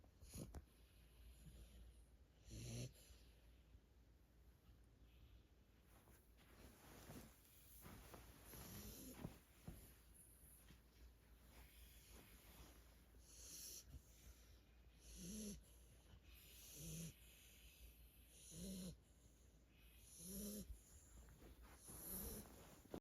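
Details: Sleeping Cane Corso and Pitbull puppies snoring: soft, snorting snores, about one every one to two seconds later on, over faint room noise.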